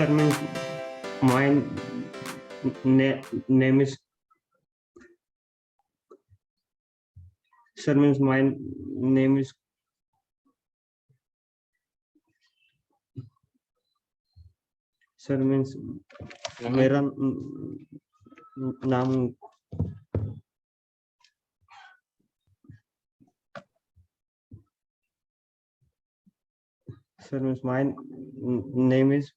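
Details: Stuttering in a male student from Maharashtra before joining a speaking training course, with repeated attempts at 'my name is' separated by long pauses; he later reports fluent speech after training.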